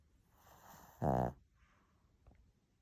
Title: How Can a Little Dog Snore So LOUD?! 🙉😴😂 #shorts #shihtzu #shihtzupuppy